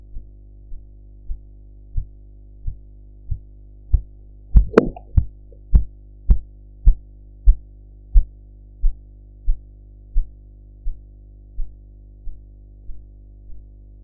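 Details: Blood pressure cuff deflation with sphygmomanometer, audio-enhanced practice recording: regular tapping pulse sounds about 95 a minute, swelling then fading; Korotkoff sounds.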